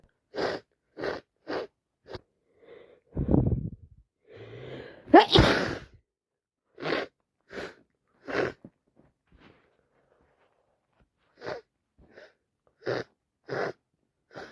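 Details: Non-stop run of sharp sneezes with sniffs between, on an itchy day with streaming, irritated eyes; the person is unsure whether it is a cold or allergies: repeated sneezing.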